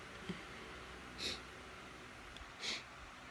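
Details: Two short, breathy sneeze bursts about a second and a half apart in a quiet room; sneezing.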